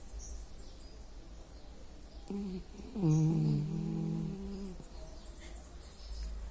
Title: meu cachorro roncando/my dog snoring 🛌